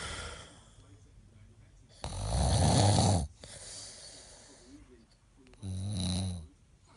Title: Snoring(2)